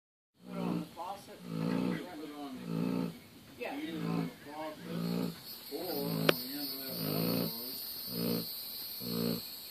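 Repeated low, throaty, voiced snorts and grumbles at about one a second, irregular in strength; a large dog snoring in its sleep.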